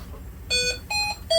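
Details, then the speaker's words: Hamilton H900 humidifier unplugged from a Hamilton T1 transport ventilator during high-flow nasal cannula setup, not on standby: repeated electronic alarm tones in short bursts, a ventilator/humidifier alarm. "I'm going to unplug this from the Hamilton right and you could put it on standby if you want if you don't it will just alarm"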